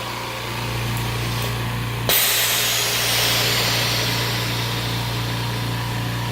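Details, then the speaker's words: Homemade (DIY) oxygen concentrator with a cooling fan beside the compressor. Steady low motor hum, then a sudden loud rush of air settling into a continuous hissing roar. "i'm gonna i'm gonna go into the compressor and this will get it going we're also using a cooling fan next to the compressor [Music] this fan keeps it cool because after several hours of running okay breathing the pressures are ra"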